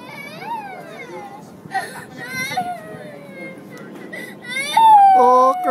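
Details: A young child crying at Victoria Peak, Hong Kong; drawn-out, wavering whimpering wails that swell louder at the end, against outdoor background noise.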